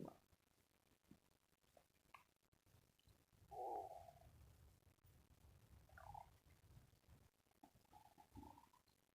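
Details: Soft low gurgling and rumbling with a few brief louder gurgles; stomach growling, borborygmi.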